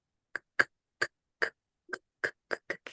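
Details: Stuttering with sound repetitions within words, imitated by a speech-language therapist in Spanish.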